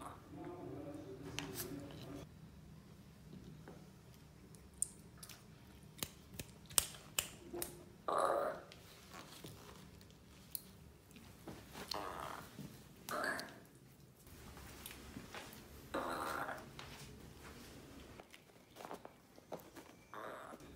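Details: Puppy burping after eating breakfast and dinner, in a compilation of clips: chewing clicks with a few brief, throaty burps, a normal sound after meals.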